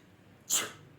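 One short, sharp, hissy burst of air that fades within a fraction of a second against a quiet background: a single sneeze.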